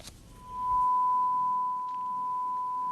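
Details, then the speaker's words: Simulated tinnitus: a steady, high, pure whistling tone begins after a brief noise and holds unchanged, a parasitic sound that never stops and is inaudible to others. "un sons parasites qui ne s'arrête jamais et qui n'existe que pour celui qui l'entend il est inaudible pour l'entourage"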